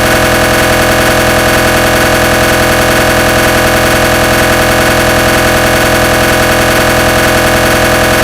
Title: Ge 1.5t MRI sound - gradient sequence (realistic and made)